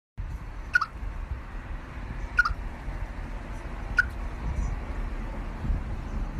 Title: Squirrel Hiccups